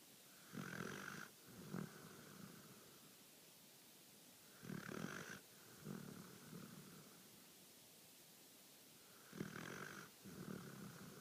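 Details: Sleeping dog snoring: three loud rattling snores in about eleven seconds, each a harsh inhaled snort followed by a softer rumbling breath out.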